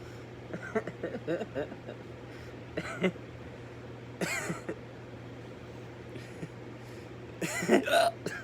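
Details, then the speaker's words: Person with a hiccuping fit, sometimes triggered by eating or drinking too fast: several short, abrupt gulping sounds at irregular intervals over a low room hum; bout of hiccups. "well this is a pretty random video but as you just heard i'm dealing with hiccups right now"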